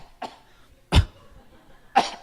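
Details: Three short, separate coughs in about two seconds during a church sermon in Korean that talks about asthma: dry and harsh, with a little throat clearing, possibly an asthmatic cough.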